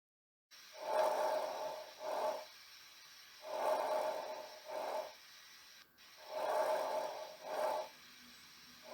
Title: Normal Breath Sounds